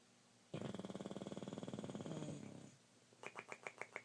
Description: Didymus snoring in bed